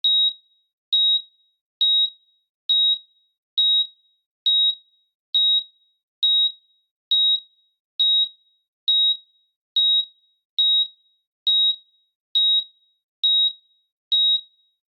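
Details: Heart monitor sound effect: steady high-pitched evenly spaced beeps at about 68 per minute, simulated monitor tracking a regular heartbeat.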